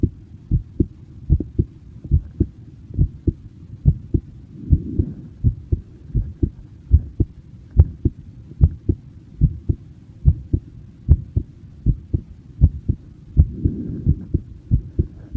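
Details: Person's own heartbeat recorded in person: steady low heart thumps at about 71 beats a minute, with two brief swells of rustling noise.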